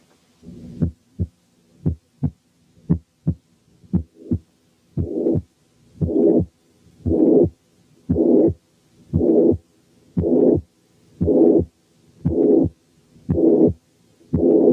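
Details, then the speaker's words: Mitral incompetence built up step by step near 58/min: heart sounds alone, then a pansystolic murmur, then in diastole a third heart sound and finally a mid-diastolic murmur. "تعالوا نسمع حالة mitral incompetence فيها بانسيستوليك ميرمر، وكمان في الدايستلي في ثيرد هارت ساوند وميد دايستوليك ميرمر."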